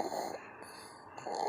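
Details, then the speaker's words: Snoring in a sleeping 13-pound baby boy wearing a "nap like a boss" shirt: noisy, whistling breaths, one loud inhalation, a pause, then another. "His shirt says, nap like a boss. Nap like a boss. Look at that. He officially weighs 13 pounds now. And snoring."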